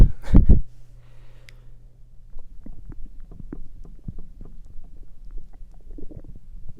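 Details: Stomach noises recorded through the night: a brief rustle, then irregular soft low pops and gurgles over a faint hum; ordinary bowel sounds (borborygmi).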